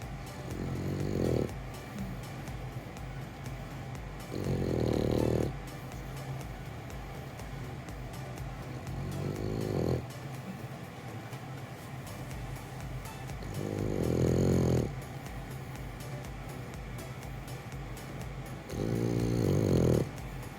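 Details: Male French Bulldog in Japan snoring peacefully while asleep in his owner's arms: loud, rumbling snores about every five seconds, roughly 12 a minute, over background music.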